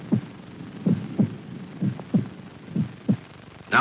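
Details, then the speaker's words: Heart sounds recorded in 1953 simultaneously with optical recording of heart motion to identify valve action: regular paired low thumps of first and second heart sounds, about 63 beats per minute; normal heart sounds. "the light is moving in response to the beat of the heart we record the heart sound at the same time to identify the action of the heart valves"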